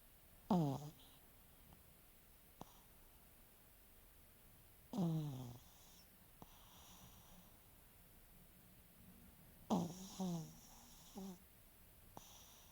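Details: Snoring in a French Bulldog: short, snorting, honking snores roughly every five seconds with soft breathing between, typical of a flat-faced dog.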